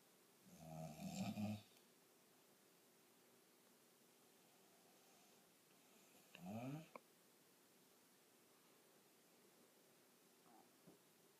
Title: The snore